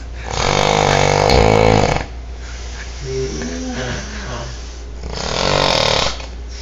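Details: Heavy snoring in a man asleep after coming home from the bar while someone tries to wake him: loud, rough inhaled snores with quieter rumbling breaths between, about three snores in 6 seconds.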